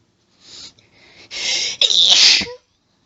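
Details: Woman's allergic sneezing fit: a hitching breath buildup, then two forceful sneezes in quick succession.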